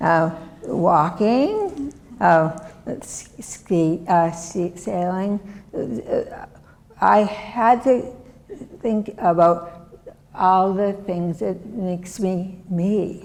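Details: Non-fluent aphasia after a severe stroke in 2010 that also disabled the right side; adult woman, years post-onset, who had to relearn making sounds and still cannot speak as before; described as different from fluent aphasia.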